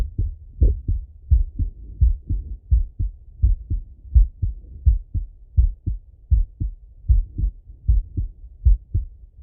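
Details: Male, heart auscultated by stethoscope while sitting at a desk or lying in bed: steady low thumps at about 85 beats a minute, normal heart sounds.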